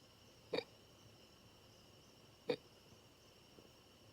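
Two sharp, brief hiccup sounds about two seconds apart, with a faint third, over quiet room hiss; typical hiccups.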